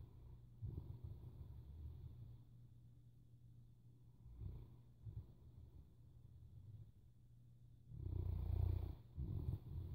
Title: Snoring Boerboel